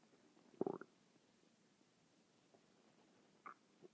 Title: my stomach is making noises again for 6 mins